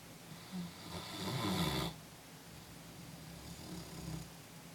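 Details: Snoring during sleep: a low rattling snore builds on one breath, then a softer snoring breath follows, in a quiet room.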